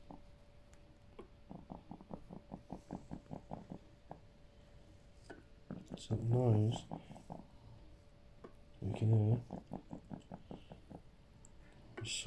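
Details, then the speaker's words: Chest drain on the heart side after a second lung collapse, with the lung completely flat from a ruptured 4.7 cm bleb: repeated bubbling pops and louder gurgling bursts as the machine removes air trapped between the lung and chest wall, an ongoing air leak. "So, unless it's set for what's like 24 hour, but that noise, as you can hear, it's coming from the insides of me. Like if we're an empty tank."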